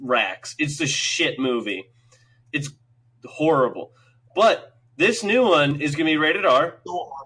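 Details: Dysarthric speech in a man with cerebral palsy; he says it is not a stutter.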